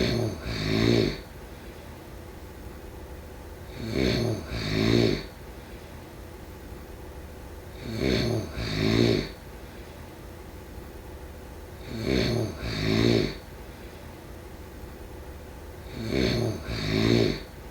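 Regular rattling snores with a double-pulsed sound, about every 4 seconds (roughly 15 breaths a minute), over a steady background hum; snoring.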